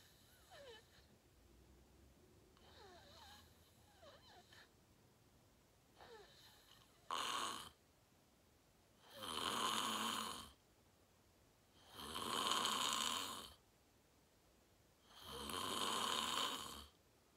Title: Watch me sleep #41: 😴 Fell Asleep Fast @ 8:45 😪 Slept Deep REM Sleeping 💤 Great Loud Snoring ASMR